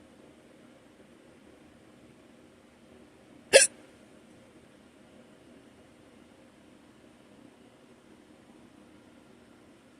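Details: Morning hiccups: a single sharp, brief hiccup against a quiet room background.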